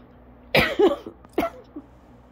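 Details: Coughing fit during an asthma attack lasting about 30 minutes, leaving the person lightheaded, dizzy and struggling to breathe normally: two harsh cough bursts with a short voiced catch after each.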